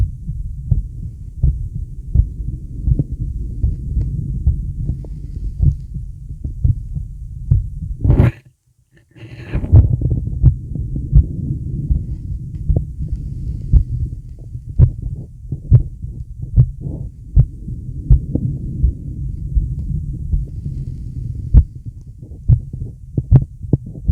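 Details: Male heartbeat with deep breaths: steady low heart thumps while slow, deep breathing sounds rise and fall in the background.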